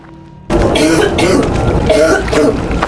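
A run of harsh, heavy coughing bursts from a young man, with music playing in the background; a repeated forceful cough.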